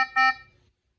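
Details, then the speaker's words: Two short high-pitched beeps: a patient disconnection alarm triggered when a prototype ventilator was stopped by debug code during a respiratory rate range test, just after running at 30 breaths per minute on blower-driven ambient air. "Okay, I will stop the ventilator again using our debug code. This has triggered a patient disconnection alarm."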